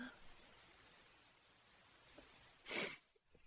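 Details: AI-generated (Sora2) simulated sneeze: a single sharp, hissing burst after a quiet stretch of faint room noise.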